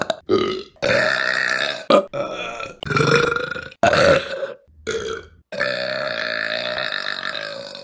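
A run of about six loud, drawn-out voiced belches with short pauses between them.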